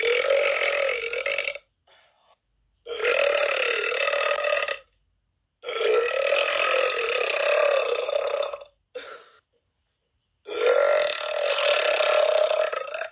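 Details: Four long, loud, drawn-out, voiced belches separated by pauses, with brief small belch sounds between them; repeated burping.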